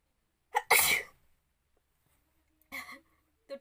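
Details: Woman inducing a sneeze with hair in the nose: a short inward catch followed by one loud, explosive sneeze, then quiet and a brief trailing vocal sound.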